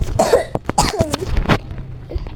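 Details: Child coughing in a small room: several short, loose cough bursts, a lingering cough after an illness; cough.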